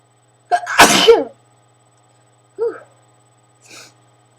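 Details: Sneezing in a person with allergies, eyes burning and itchy: catching inhaled gasps building into one loud explosive sneeze, followed by two smaller sniffs; repeated sneezing.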